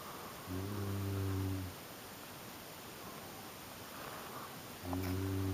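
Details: An adult woman snoring: two loud, buzzing, low-pitched snores about four seconds apart, roughly 14 breaths a minute, with quiet room noise between them.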